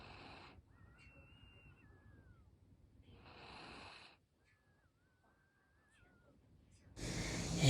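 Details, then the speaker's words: Sleeping pet dog snoring: rough, noisy breaths, each followed by a thin high whistle through the nose, across about two breath cycles. "们听听我们家这个睡觉的呼噜声。"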